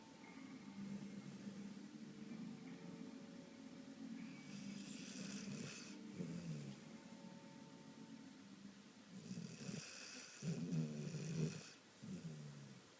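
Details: Snoring during sleep: low, rumbling snores with snorting breaths and some hissy breath noise on inhalation; faint background music.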